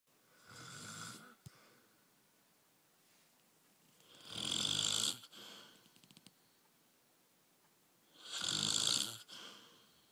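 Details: Snoring from an adult man, a husband, in a quiet room: three breaths about four seconds apart, each a harsh rasp followed by a short puff of air out.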